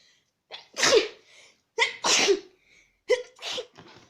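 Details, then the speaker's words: Acted demonstration of a triple sneeze: three sneezes in quick succession, each with an in-breath before a sharp burst. "The aborted sneeze. The double sneeze. The triple sneeze."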